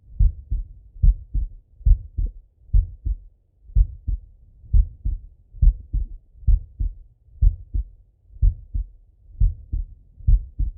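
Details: Normal heart sounds of a male lying on his left side, via stethoscope: steady paired lub-dub, about 70 beats a minute, clear.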